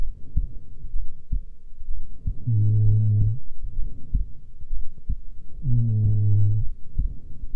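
Steady dull thumps at about 63 beats a minute, with a low droning hum coming and going. Normal resting heartbeat.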